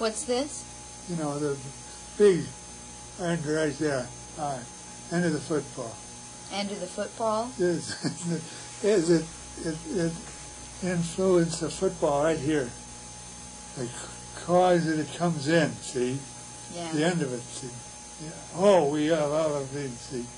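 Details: Patient with Wernicke's (fluent) aphasia; Wernicke's aphasia.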